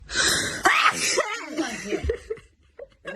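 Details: A single loud sneeze from a girl, a sharp burst of air after a short intake, followed by brief talk and laughter; sneezing.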